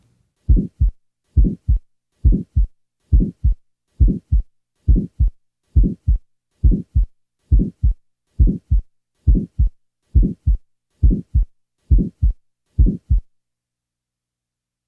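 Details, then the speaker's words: Teaching recording of a small muscular ventricular septal defect: regular heartbeat near 68 per minute with brief early systolic murmur fading by mid-systole. "this murmur is characteristic of the type of Children's vssd located in the muscular portion of the ventricular septum this defect may disappear with age this next example presents such a murmur"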